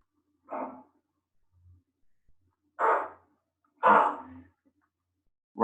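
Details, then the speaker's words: Cat with allergic bronchitis, with inflamed bronchi possibly from pollen or something airborne: three harsh, dry, hacking non-productive coughs. "this cat has allergic bronchitis so some theme pollen or something in the air is causing inflammation of his bronchi you'll hear this we call it as mo but you'll hear this very harsh dry hacking kind of cough"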